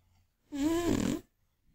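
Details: A single loud, drawn-out, rattling, slightly whistling snore under a second long from an old, chubby Scottish Fold cat sleeping after a day of eating; snoring.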